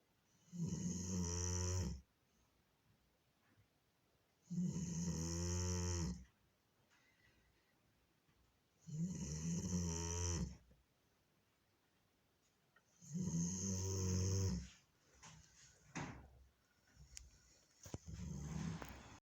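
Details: 9-year-old female Doberman sleeping, very loud rattling snores on each breath in, about four in twenty seconds, with quiet breaths out between; snoring.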